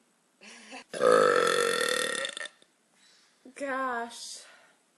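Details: Woman burping: a loud, long voiced belch of about a second and a half, followed by a shorter, softer belch.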